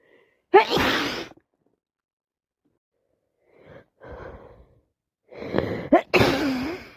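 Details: Person with a cold who can't stop sneezing tonight: several sharp, explosive sneezes in quick succession, each preceded by breathy inhalations; repeated sneezing.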